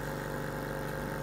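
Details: Nebulizer running for a cockatoo about 40 years old treated at home for lung and heart disease; newer nebulizer giving a finer mist, alongside an oxygen concentrator: steady, even mechanical hum with a low buzzing rumble.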